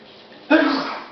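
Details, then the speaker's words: Single loud, sudden voiced sneeze with a fading tail from a man, who keeps sneezing repeatedly; sneezing. "seriously, stop sneezing. What the fuck? is wasted. Seriously, don't sneeze again, man. you're not allowed to sneeze ever again."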